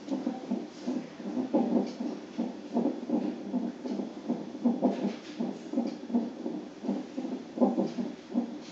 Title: Hiccups recorded on Doppler 38 weeks pregnant.